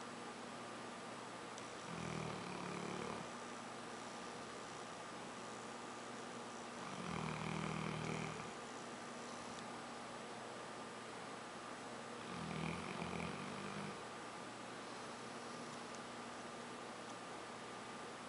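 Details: Three slow, low rumbling snores about five seconds apart, roughly 12 per minute, over a steady background hum: snoring.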